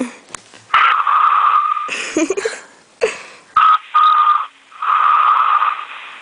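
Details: Whistling snore in sleep: steady, high whistling tone with each breath, broken by short sniffs and snorts.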